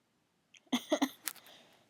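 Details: Adult sneezing while drunk, induced with a clothes tag, with a still-tickling nose, hitching breaths and a false start before the sneezes; sneezing.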